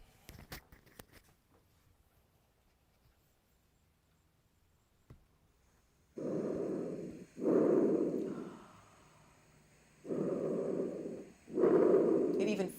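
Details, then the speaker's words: Loud, hollow, tubular breathing over the windpipe with clean inhalations and exhalations and no pops, crackles, rhonchi or wheezes; normal tracheal breath sounds used in dysphagia assessment. "is that not sounding tubular to you easy to hear clean no pops crackles Ron eye wheezing or music it sounds wonderful"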